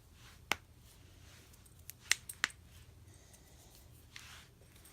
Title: Cracking joints part 2